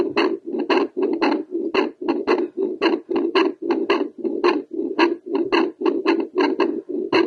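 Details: Doppler heartbeat from a female, rate raised by doing squats: rapid, regular whooshing pulses at about 110 beats a minute, a faster heart rate after exercise.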